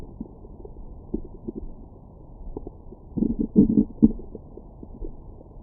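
Soft irregular low gurgles and pops after a meal; ordinary bowel sounds.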